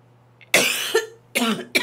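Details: Two or three harsh, forceful cough bursts in quick succession with a short throat-catch between, from a girl who says she coughed so hard at work that she tasted blood in her throat.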